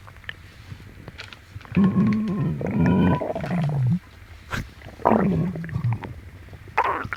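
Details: Upset, painful stomach, possibly from something eaten, while the belly is stroked clockwise: long, low gurgling growls and rumbles with a couple of separate bursts. Loud borborygmi (stomach growling).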